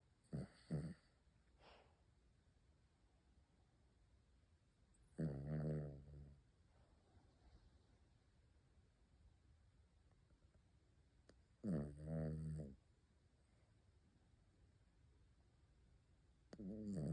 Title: Little snore bear #dog #pomeranian #funny #doglover